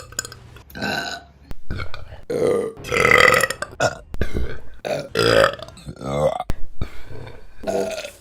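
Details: Run of long, loud, croaking belches, one after another with brief gaps, from a burping compilation; repeated burping.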